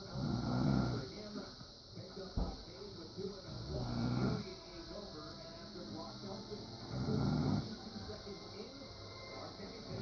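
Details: An adult man, the father, snoring during sleep: low, rough rattling breaths recurring about 18 times a minute over steady room hum.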